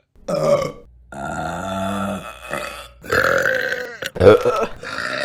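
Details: Long, loud, throaty belches in a row, deliberately drawn out; burping.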